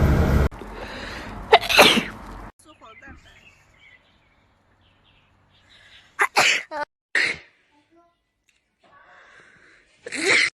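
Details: Young woman sneezing: one loud explosive sneeze, a quiet pause, a quick run of several short sneezes, then one more burst; repeated sneezing.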